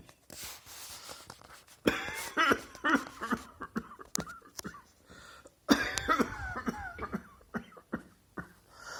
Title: Emergency Cross Dressed Coughing Bathroom Visit!